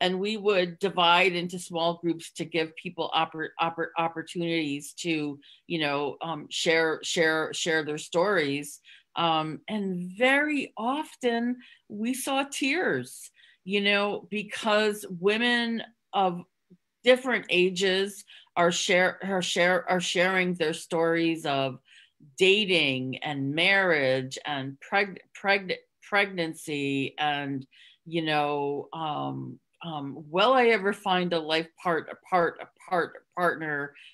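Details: Adult woman with real stuttering, with part-word and whole-word repetitions, who hid it for close to 30 years (covert stuttering) and now stutters openly; stuttering.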